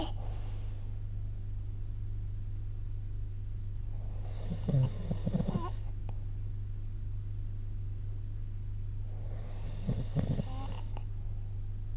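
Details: Snoring during sleep, recorded with the SnoreLab phone app: two low, fluttering snores, about 11 a minute, over a steady electrical hum.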